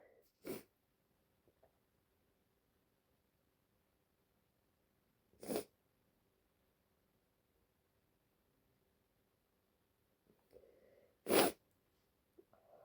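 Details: Female with allergies, congestion and a runny nose: three sharp, explosive sneezes several seconds apart in a quiet room at the end of a sneezing fit; sneezing.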